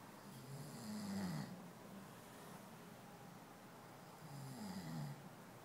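Two low, rumbling snores on breathing in, about four seconds apart, with quiet breathing between them. Ordinary snoring.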